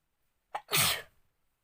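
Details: A short in-breath followed by one explosive, hissing sneeze; a single real sneeze triggered by sniffing pepper in a sneezing challenge.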